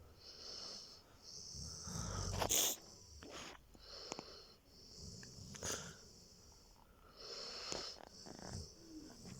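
Soft, wheezy, whistling snores and snorts from a sleeping large dog, with a rough breathing rhythm; ordinary canine snoring.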